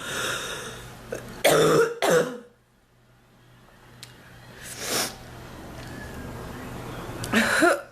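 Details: Several harsh, separate cough bursts with quiet gaps; an adult woman's persistent cough, not improving, compared with earlier bronchitis, with chest discomfort.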